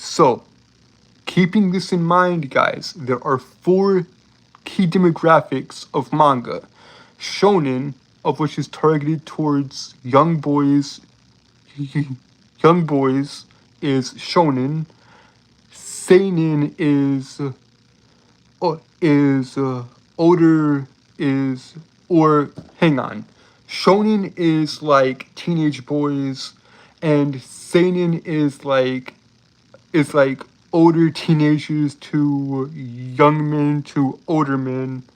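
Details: Adult male with a self-reported speech impediment that makes him stutter and trip over his words throughout; stuttering.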